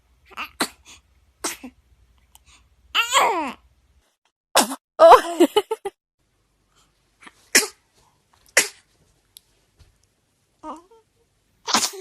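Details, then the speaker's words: Several babies give small, high-pitched sneezes, with brief voices of onlookers saying "bless you" between them; ordinary infant sneezes. "Oh, cute baby sneeze."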